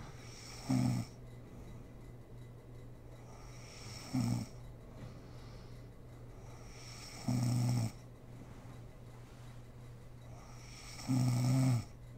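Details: Adult woman (mother) asleep, recorded for ASMR: four low, droning snores on inhalation, roughly 17 breaths a minute, over a steady background hum; snoring during sleep.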